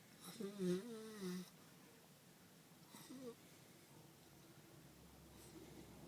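A few short, buzzing, vibrating snore sounds, then quiet room noise. Snoring.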